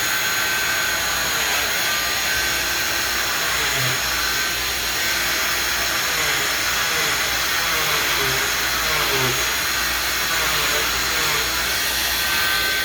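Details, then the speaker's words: Oscillating cast saw cutting a fiberglass short leg non-weight-bearing cast to bivalve it laterally for post-op swelling; steady loud high-pitched motor whine with grinding tone, normal cast saw operation. "I'm going to grab the cast saw and then the next step in the video is I'm going to show you how we bu valve it"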